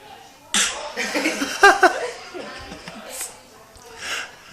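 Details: Ten-month-old girl coughing on command as a party trick: a few short, forced, playful cough-like bursts, not illness; voluntary cough.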